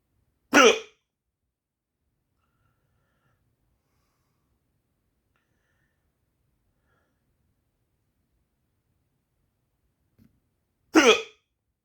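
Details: Two sharp, abrupt hiccups about ten seconds apart, each a sudden voiced gulp, in a quiet room; the person is trying to sleep but keeps hiccuping.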